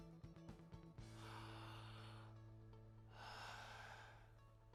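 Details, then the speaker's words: Adult male (born 1993) in a respiratory examination, stethoscope on the back during deep mouth breaths: soft rustling normal vesicular breath sounds, with no crackles, wheeze or stridor, over quiet background music. "normal vesicular breath sounds are heard without crackles wheezing or strider"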